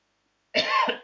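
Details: Adult teacher with a dry throat and hoarse voice from prolonged talking gives a single short, harsh throat-clearing cough after a moment of silence.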